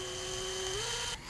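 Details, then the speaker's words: Surgical drill's steady high whine shifts pitch as it drills quadricortically through clavicle and coracoid under fluoroscopy in a knotless AC TightRope repair of an acute AC separation, as the first cortex is breached. "so what we're going to do now is just drill quadrocortically and I'm going to leave the fluoro on so we can follow that there goes the first cortex"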